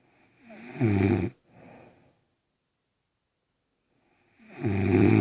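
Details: Girlfriend snoring: a loud, rattling inhaled snore, then a soft exhale and a pause before the next loud snore.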